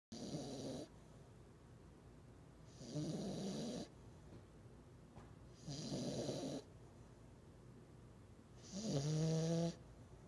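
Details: French Bulldog, flat-faced, sleeping with tongue out: four rhythmic harsh fluttering snores about 20 per minute, the last ending in a squeaky whistling tone; snoring.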